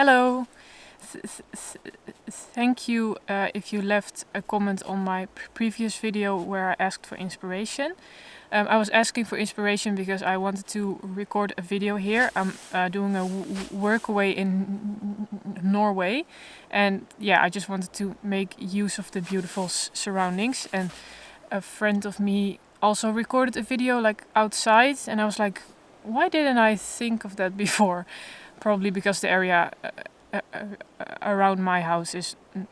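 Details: Adult woman who stutters openly but in a controlled way, in stuttering therapy for the first time and working toward letting go of control; stuttering.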